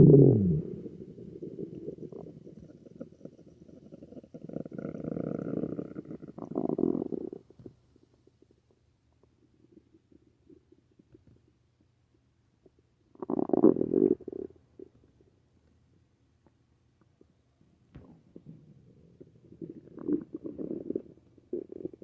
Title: magnesium citrate bowel sounds. wild.